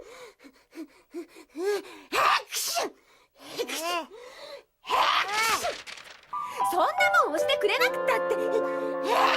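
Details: Acted cartoon scene of Shinchan's mother, a female character feeling sick: repeated short gasping, sniffling breaths and groans leading into sneezes, with music entering at the end; simulated gasping.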